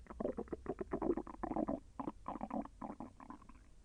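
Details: Rapid bubbling, gurgling rumbles in quick succession as the intestines move gas and fluid during digestion; the person felt the intestine move with slight pain. Bowel sounds (borborygmi).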